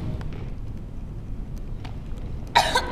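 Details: After low room noise, a single short, dry, acted cough bursts out near the end with no whoop, in a whooping cough teaching clip. Finding: cough.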